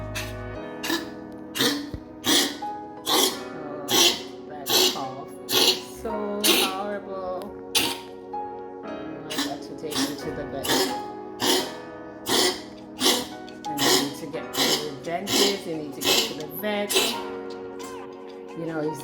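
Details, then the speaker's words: Pomeranian with a long-recurring cough that returned after antibiotics gives a long run of harsh, rhythmic coughs over background music, as if trying to clear something from its throat; dog cough. "so today I worked from home and he was very troubling just hearing him coughing"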